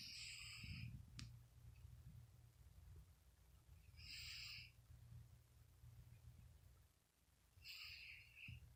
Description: Tabby cat is taking a nap, and snoring like a human being.